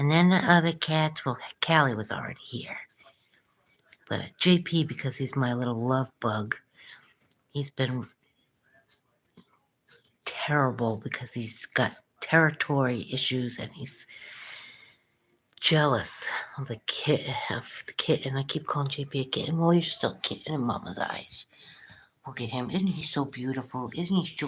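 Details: Breathy, weak voice in a French-speaking woman whose vocal cords have been paralysed since a coma; she had no audible voice for the first month and now barely manages a whisper.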